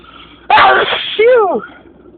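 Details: Spring allergy sneezing fit: one loud, explosive sneeze with a falling voiced tail, part of a very long sneezing attack.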